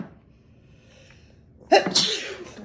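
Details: Sneeze triggered by sniffing sprayed perfume during a sneeze challenge: a quiet pause, then one sudden explosive burst of noisy air with a brief voiced onset; a single sneeze.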